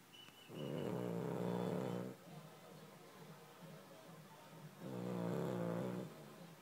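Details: Charlie, a sleeping dog: two long, buzzing, vibrating snores on inhaled breaths with softer rattly exhales between them; snoring.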